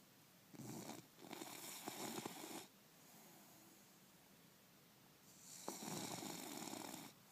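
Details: Soft, noisy snuffling snores in long breaths, roughly twelve a minute, from a sleeping bulldog.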